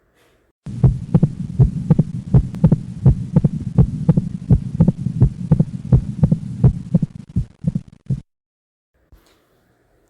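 Regular heartbeat near 83 a minute with a sharp, brief extra click early in diastole: a mitral opening snap.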